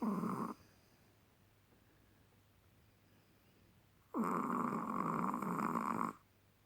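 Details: Chihuahua snoring: two long, rough, buzzing breath sounds separated by a quiet pause.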